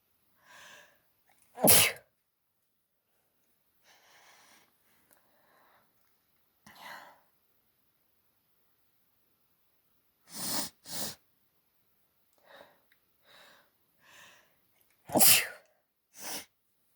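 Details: Allergy sneezing fit: a run of repeated sneezes, several loud and some softer, with quiet breaths between, followed by nose blowing.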